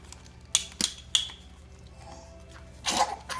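Sharp hissy bursts, then a louder explosive burst near the end, consistent with a sneeze; faint room noise and hum.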